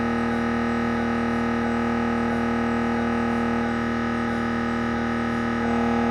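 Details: Siemens Magnetom Avanto MRI head scan sequence: loud, steady buzzing drone with rapid regular gradient pulsing.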